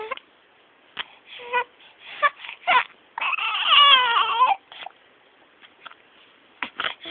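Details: An infant in a cot bed who has hiccups gives short whimpers and fussy cries, building to one longer wavering wail, then brief whimpers again; an ordinary infant cry.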